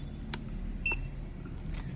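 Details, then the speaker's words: Portable handheld dental X-ray unit being switched on with its on button: a single brief high power-on beep over quiet room hum. "Okay, so first we have to on the X-ray from this button. On button, we have to on the X-ray,"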